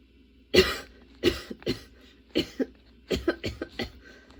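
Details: Sudden-onset, unexpectedly long nonstop coughing fit that kept worsening, bringing tears and constant position changes: rapid bursts of harsh coughs, about ten in four seconds, with short catches of breath; prolonged coughing fit.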